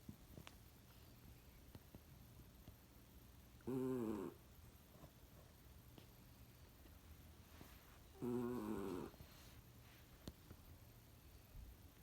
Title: Dog snoring